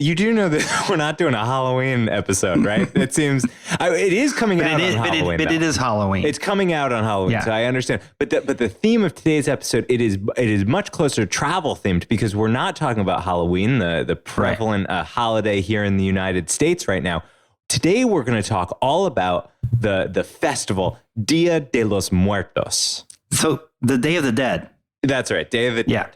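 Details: Adult male speakers, podcast conversation; normal conversational speech.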